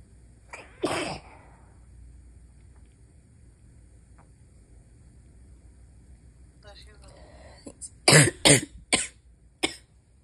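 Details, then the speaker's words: Stifled sneezes at night, held back to avoid waking a sleeping partner: several short, muffled bursts, one early and a quick run of four near the end; attempts at quiet failing. "I'm trying to keep it quiet. Yeah, I can tell. It's not working."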